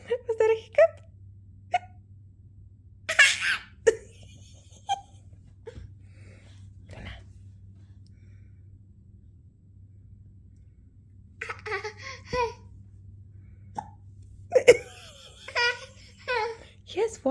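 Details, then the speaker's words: Brief, abrupt little catches of breath recurring among a 15-month-old girl's giggles and vocal sounds, low steady hum in background; repeated hiccups in a toddler. "are you hiccuping do you know is that a hiccup"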